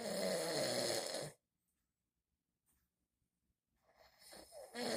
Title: Snore Symphony: The Epic Compilation of My Dad's Nocturnal Masterpieces! 🎶💤